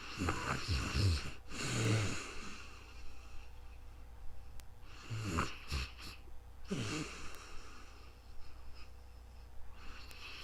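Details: Real-time snoring during sleep, recorded on a new microphone: irregular low rattling snores with noisy breaths in between, over a steady room hum.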